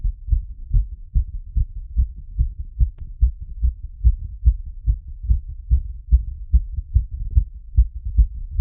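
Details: Heart sounds after exercise.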